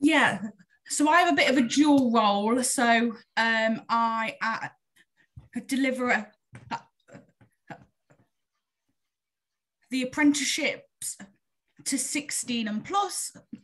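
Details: Adult woman who stammers; stammering.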